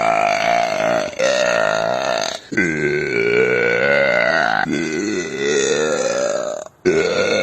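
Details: Man belching: long, loud, voiced belches, three to four in a row, each a drawn-out croaking burp; ordinary eructation.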